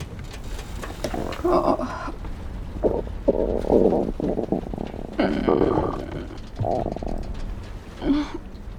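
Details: Acted stomach growling from a film scene (Nowhere, 2023): several low, rumbling gurgles from the belly, simulated borborygmi.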